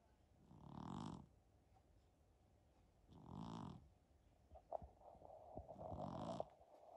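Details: Snoring from a Persian cat napping, sounding like an elderly man snoring.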